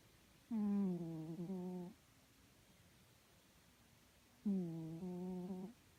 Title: My cat snoring